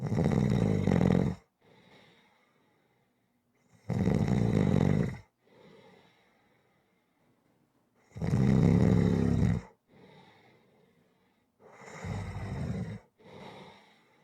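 Regular loud snores about every four seconds, each followed by a softer exhaled breath; rhythmic snoring during sleep, roughly 15 breaths a minute.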